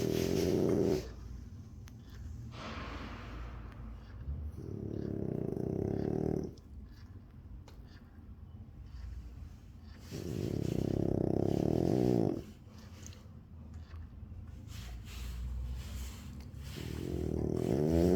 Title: He snores a lot. That's how humans snore too.